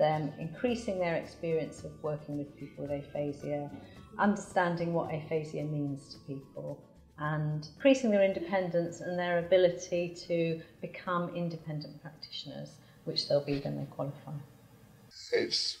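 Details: Adult speaker; normal speech.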